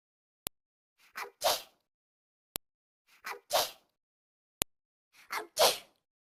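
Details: Simulated cartoon sneeze sound effect from the Talking Angela game: three identical looped sneezes, each led by a click and a two-part 'ah-choo' burst; sneezing.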